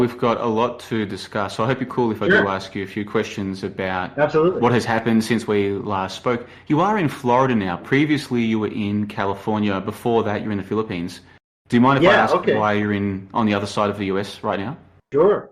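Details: Adult male speaker; normal speech.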